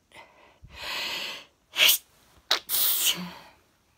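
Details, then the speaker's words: Run of sneezes: noisy indrawn breath, then sharp hissing bursts ending in a forceful explosive sneeze; the person has just started sneezing, during hot weather. "just started sneezing. Oh, well, it's now"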